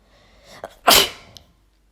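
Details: Adult female, sneezing provoked on purpose with chhinkni (nasal irritant): a short indrawn breath, then one forceful explosive sneeze with a brief trailing sound.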